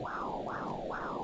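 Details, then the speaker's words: Rhythmic whooshing swells, about 140 a minute: Doppler sound of blood flowing from the placenta through the umbilical cord of a pregnant woman during a home midwife appointment. "that's the sound of the blood flowing from My Placenta down through the umbilical cord into our"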